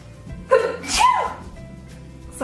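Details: Girl gives a quick sharp intake, then one forceful voiced sneeze, a single sneeze over soft background music; tagged allergies and sinuses; sneezing.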